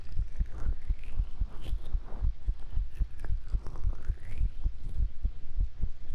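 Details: Steady, regular low heartbeat thumps heard through the chest wall, with faint stomach gurgles behind after eating.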